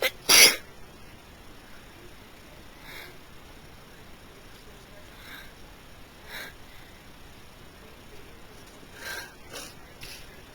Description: Me caught in yet another sneezing fit.